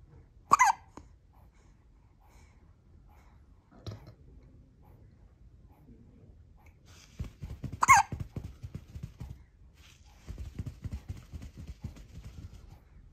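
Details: Newborn baby boy falling asleep in a hospital maternity care room gives two sharp hiccups several seconds apart amid soft breathing and rustling; newborn hiccups.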